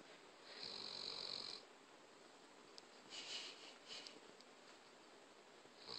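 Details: Soft, whistling, high-pitched snoring noises, a few separate breaths over several seconds in a quiet room; snoring.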